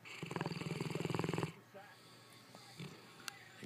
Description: And my wife thinks I am the one who snores....